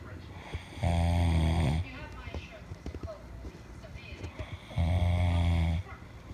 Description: Recorded my friend catching some zzzs